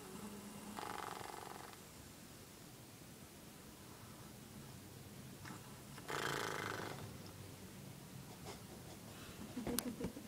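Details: Snoring during sleep: two rough, buzzing snores several seconds apart over a quiet room hiss.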